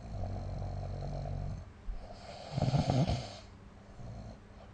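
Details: Snoring during sleep, recorded with the SnoreLab app: low, rumbling breathing noises with a louder rattling, fluttering burst near the middle and quieter breaths around it.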